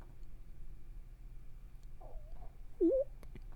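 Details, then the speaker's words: An adult at a desk, quiet room, gives a short wavering gurgle then a louder squeaky rumble: ordinary stomach growling, bowel sounds. "You can hear my stomach growling. I'm going to be laughing when I listen to this video again."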